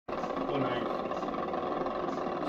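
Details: Needle electromyography of the right deltoid muscle; muscle activity recorded: full interference pattern on needle EMG.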